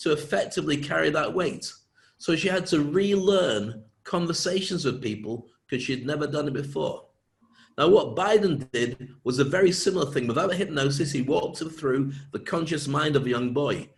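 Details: Adult man speaking; ordinary speech.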